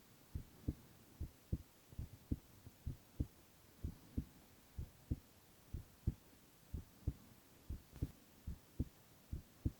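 Steady paired lub-dub heartbeats at about 75 beats a minute over quiet hiss; normal heart sounds.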